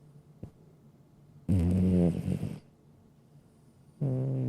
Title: Cute Cat Snoring Sound Effect in HD